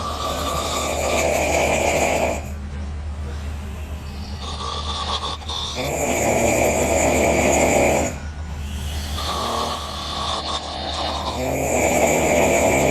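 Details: Two young women snoring hard after a night of drinking: loud, harsh rattling snores on each in-breath, about 15 per minute, with quieter gaps and low room hum.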